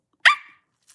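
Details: Involuntary bark-like vocal tic from an adult woman with Tourette syndrome.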